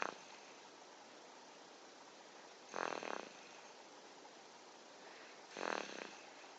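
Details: Soft, rhythmic, rattling snores about every three seconds (roughly 20 breaths a minute) from a sleeping 6-month-old baby boy, over a steady background hiss: infant snoring.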